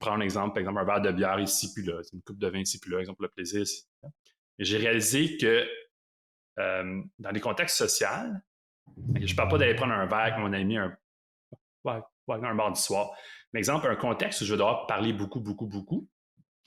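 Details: 38-year-old man who lives with stuttering and says he has stuttered for a very long time; stuttering.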